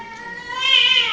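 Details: Infant with hiccups; a single high, tonal wail swelling in loudness, a baby's cry, possibly from another baby heard nearby.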